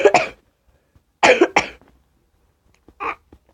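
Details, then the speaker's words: A child with a really bad cough and a failing voice gives several short, harsh coughs in quick bursts, separated by brief pauses. "Because my voice is going. I got really bad cough."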